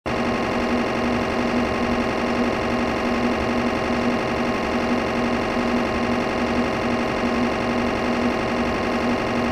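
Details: MRI scanner acquiring images, sound-effects library recording: loud, continuous buzzing drone with a fast steady rattle.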